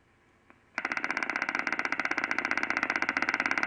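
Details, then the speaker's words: Single-fiber EMG: rapid crisp clicking discharges with slight variation in sound; mean interpotential interval 480 microseconds, MCD and MSD 10 microseconds, jitter recorded as 10 microseconds, no correlation with interdischarge interval: normal jitter. "both MCD and MSD are ten microseconds the jitter is recorded as 10 microseconds"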